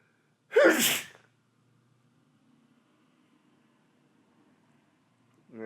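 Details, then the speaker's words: Sneeze induced by chhinkni snuff powder, attempting smaller, quieter sneezes with eyes watering: one sudden, forceful, very wet sneeze with a short voiced burst, then quiet breathing; sneeze. "I kind of failed at small, I think, but it's not quite as loud as as normal."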